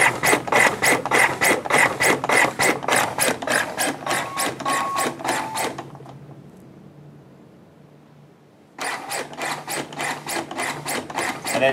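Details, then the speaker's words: LUCAS mechanical chest compression device in 30:2 mode during an emergency medicine resident training session: rapid regular compression thumps at about 100 a minute, a tone, a brief pause for two breaths, then compressions automatically restart. "by hitting that button it'll just count out 30 compressions the light will come on you'll hear a tone and then it'll pause just long enough for two breaths and then start back up automatically"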